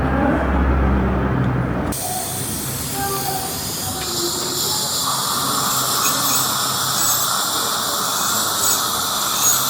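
Steady high hiss and whine of a dental handpiece running during a cleaning, with room noise.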